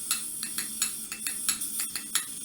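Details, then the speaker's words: Light, sharp metallic taps repeated about eight times as a mallet drives a periotome to cut the periodontal ligament during atraumatic tooth extraction. "Insert periotom and mallet, tap tap tap, to cut the only periodontal ligament."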